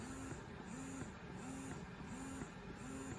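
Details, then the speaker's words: Breast pump motor cycling on a Baby Buddha pump in stimulation mode (wavy-line icon): steady hum with a rhythmic rising whine about every 0.7 seconds, long suction pulls. "You can see this is the little wavy lines that show you it's in stimulation mode. You can actually hear that nice long pull."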